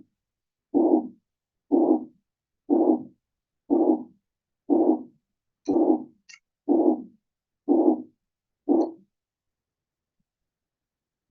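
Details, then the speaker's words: Auscultation of a mitral regurgitation systolic murmur, presented in a clinical diagnosis practicum alongside aortic stenosis, with ECG comparison. "Kalau yang ada sistolik, murmur, mitral, reogitasi. Ya, ini gambaran darahnya seperti ini."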